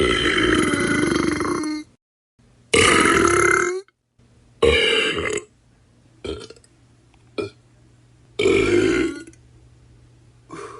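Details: Sound-effect compilation: a string of about seven loud belches, some drawn-out and some short and croaky, with brief pauses between them; repeated burping.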